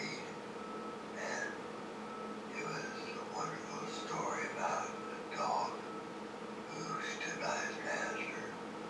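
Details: Example of mild intelligibility impairment: dysphonia (disordered voice) without dysarthria, intelligibility not disordered; finding: dysphonia.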